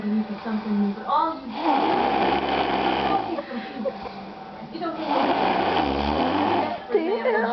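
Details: Person heavily snoring: loud buzzing, rattling snores of about two seconds each on inspiration, with voice-like sounds between.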